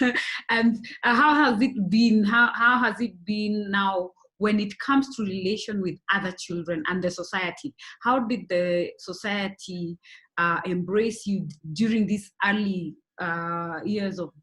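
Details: Adult woman speaking; typical speech.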